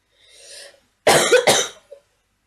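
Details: Girl who is ill with a runny nose, in bed playing a game: a soft breath in, then a harsh double cough followed by a faint throaty sound.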